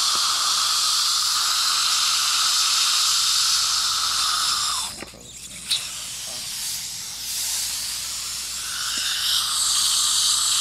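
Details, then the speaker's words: Dental Nu Bird suction mirror attached to high-volume (HV) suction: a loud, steady airy hiss with a brief drop midway, from high-volume dental suction. "now here this is the uh new bird you know attached to the HV suction so you get a lot of power"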